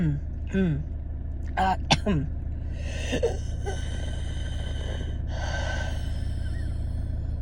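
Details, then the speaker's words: Adult with asthma, no lung infection ("dry" asthma), recorded close-miked in a car while taking deep breaths in and out: high, whistling musical tones over the airflow with a low hum behind; asthmatic wheezing. "I'm gonna bring the camera in close to get the microphone in close to my deep breaths in and out you'll see um the ceiling of my car and um hopefully the microphone captures the wheezing"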